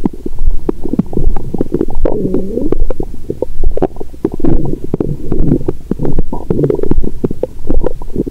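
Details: Adult woman's abdomen after a Christmas dinner with wine that followed a 22-hour fast, period due that day; active bowel sounds.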